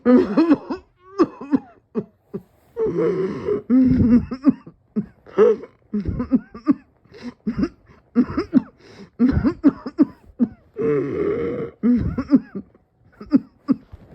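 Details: Coughing fit with dizziness, the person feeling they were about to pass out: repeated harsh coughing in runs, with throat clearing and strained voiced sounds between bouts; persistent cough.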